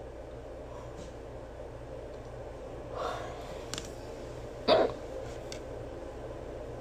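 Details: Sudden short gasping catches in the breath, one sharper than the rest, over room hiss: hiccups.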